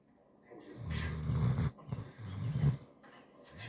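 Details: Snoring from a sleeping Doberman pinscher: deep, rumbling snores in two long rattling breaths, with faint speech in the background.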